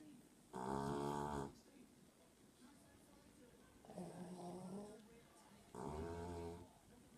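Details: Three loud, buzzing, roughly one-second snores from a sleeping pet dog, recurring every two to three seconds with quiet breathing between: snoring.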